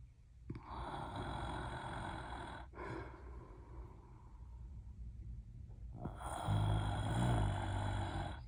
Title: Enjoy Live Snoring … Real voice